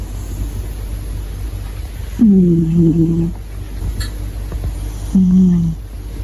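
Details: Two low, humming snores about three seconds apart over a steady background hum: loud snoring in a sleeping British Shorthair cat.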